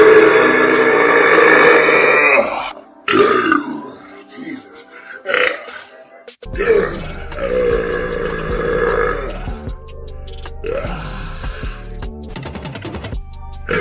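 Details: A raccoon burping: loud, drawn-out, croaking belches, several in a row, over background music.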